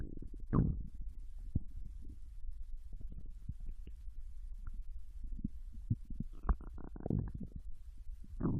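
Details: Young Japanese woman's abdomen while digesting ramen and potato chips: low gurgles, rumbles and brief clicks; ordinary active bowel sounds (borborygmi).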